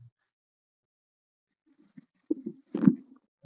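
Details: Several soft, low gurgles bubbling up after a silence, recorded during a chiropractic session for a patient with posture and walking-balance problems; stomach rumbling, ordinary bowel sounds.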